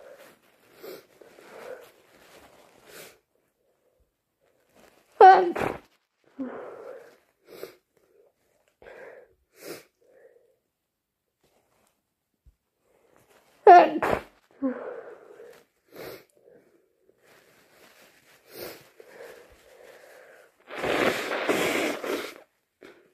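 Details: Two forceful induced sneezes with sniffing between them, then a long, noisy nose blow; congested nasal sounds from someone with a bad cold.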